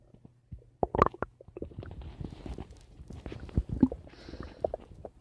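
Irregular gurgles, squeaks and rumbles from the belly; ordinary stomach rumbling.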